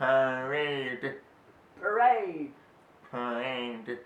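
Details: Man born deaf, age 30, with one cochlear implant, practicing words with a middle /r/ sound ('parade'), finds speech practice hard; deaf speech.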